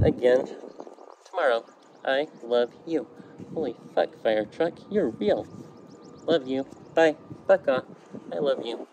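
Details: Vocal tics in a woman in her mid-30s with Tourette syndrome; tics since her teens became much more vocal under stress in her mid-20s, with coprolalia beginning about a year ago.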